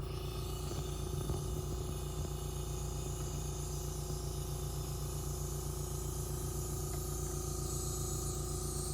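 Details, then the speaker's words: Steady hiss with a low mechanical hum as oxygen flows from an oxygen tank at 10 liters per minute through nebulizer tubing, during a demonstration of nebulizer treatment with a mouthpiece. "now we're going to connect the tooth to the oxygen tank"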